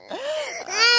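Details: 7-month-old baby clinging to mother, crying when put down: short, rising and falling wails; normal infant cry for comfort.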